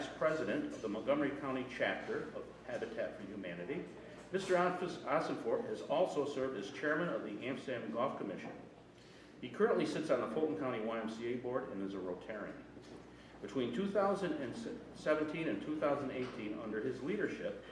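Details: Adult man speaking; Normal adult speech.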